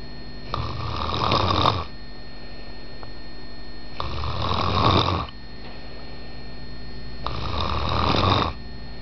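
Three loud, rough inward snores about four seconds apart, roughly 18 breaths a minute, with a steady hum in the room.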